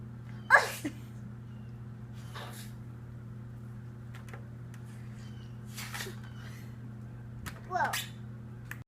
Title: Baby Gone Sneezing